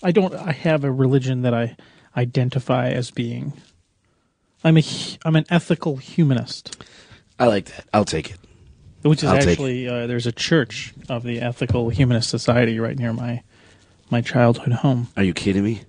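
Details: Adult male speaker; Normal voice.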